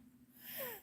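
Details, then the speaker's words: A brief, faint breath with a high whistling tone that falls in pitch, a wheeze, from a speaker who mentions taking Zyrtec. "so and take my zertek you hear that wheezing"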